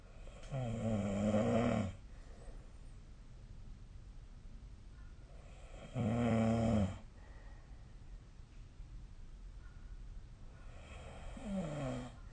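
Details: Sleep snoring recorded with a snoring app: loud rattling snores on each in-breath, about 12 a minute, quiet breathing between.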